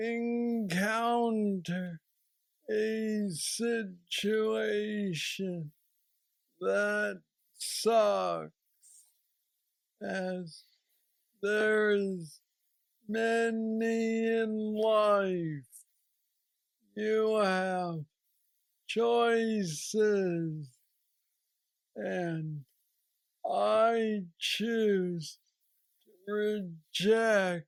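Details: Man aged 46 with aggressive Parkinson's disease diagnosed at age 35, treated with an implanted brain neurostimulator; real patient with Parkinsonian hypokinetic dysarthria.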